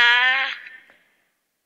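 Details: Sustained vowel from a young girl, nine when work began, with a severe motor speech disorder, recorded to build her personalised synthetic voice; sustained vowel in severe motor speech disorder.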